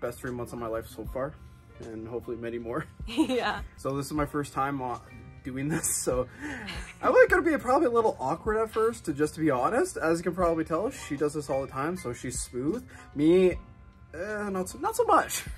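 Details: Adult male speaker; normal speech.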